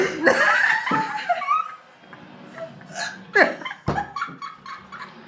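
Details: A girl hiccuping amid laughter: abrupt, sharp gulping hiccups repeatedly breaking through giggling and voices.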